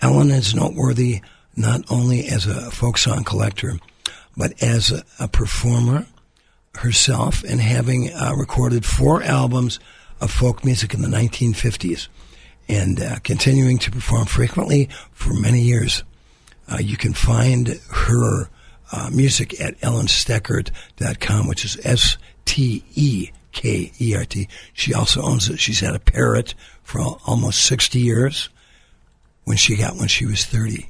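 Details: Adult with dysphonia after recently losing a vocal cord; the loss was not caused by polio in 1948, and the speaker previously sang.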